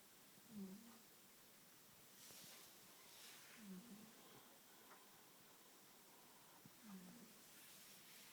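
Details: Soft, low snuffling snores with faint breathy hisses, about 19 a minute, from a sleeping pet cat; light, ordinary snoring.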